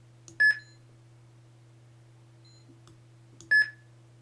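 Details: Two short beeps about three seconds apart over a steady hum from a simulated cardiac monitor-defibrillator on a PC/Mac rhythm simulator, with the transcutaneous pacer switched on.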